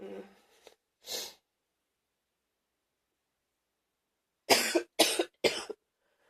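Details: Gaggy morning wet productive cough: a gagging throat sound, then a cough and a run of three loud, rough coughs.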